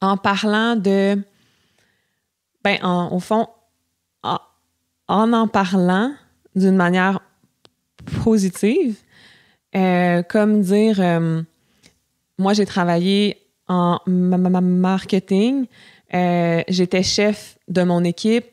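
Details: Adult French-speaking woman who stutters, a candidate for a master's in speech-language pathology; audible repetitions; stuttering.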